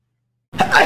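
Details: Single short, sharp, explosive adult sneeze after half a second of silence; sneezer (one of two young men) known for throwing himself on the floor and screaming or making funny faces when sneezing.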